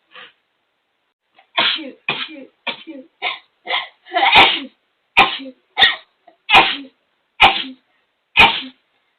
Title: Rapid Sneezing Attack